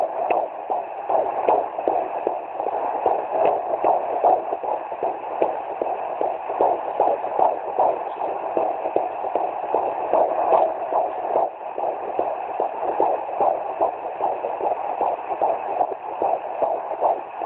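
Fast, rhythmic whooshing galloping pulses of a fetal heartbeat on Doppler, about 150 beats a minute.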